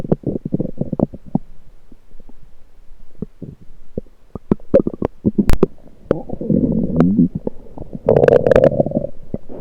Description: I heard my lower gut gurgling again, so I decided to record it with my USB electronic stethoscope.